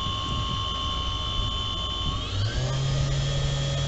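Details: Homemade 3D-printed simple ventilator SV-79 (brushless motor N2830, ESC 20A, Li-Po 3S 12.6 V battery) cycling CPAP-E levels 1–3 and PEEP; steady whirring motor whine shifting pitch between settings.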